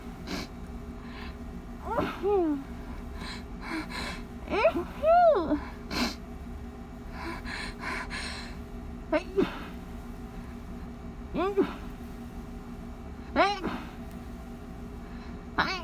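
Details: Stifled sneezes into a pillow during a persistent allergy attack: about seven muffled sneezes, each preceded by a sharp in-breath; repeated sneezing.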